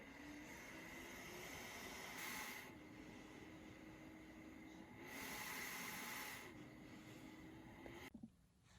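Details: Travel CPAP machine recorded with a sensitive microphone held right up to it: steady blower hiss with faint motor whine, swelling into louder airflow bursts about every three seconds with breaths, then cutting off; CPAP machine noise.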